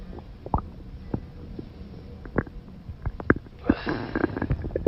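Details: Bubbly gurgles and pops ending in a longer rumbling growl from a girl holding in an urgent bowel movement all day: stomach growling (borborygmi).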